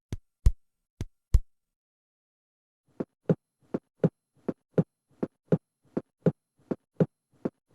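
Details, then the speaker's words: Simulated heart sounds over the aortic then pulmonary areas (second intercostal spaces right and left), regular about 80 a minute, second sound louder than the first: normal heart sounds at the base. "здесь норма несколько иная второй тон громче надоортой над легочной а не первый"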